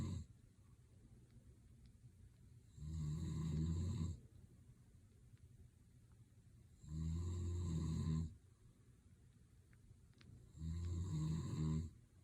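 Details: Adult man (husband) asleep: three deep, rattling inhaled snores at about 16 per minute with quiet exhalations between: typical adult sleep snoring.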